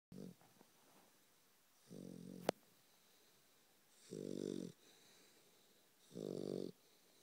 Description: 12 week old bullmastiff snoring